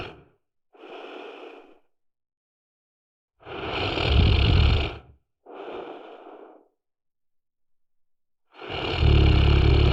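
Loud, rough, rumbling snores on the breath in, with quieter breaths out between them, about four snore cycles over ten seconds.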